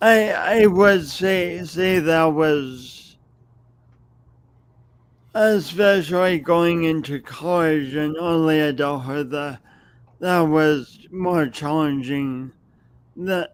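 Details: Speech impediment with stuttering-like disfluencies in an adult man who has lived with it for many years and says everyone hears it whenever he speaks.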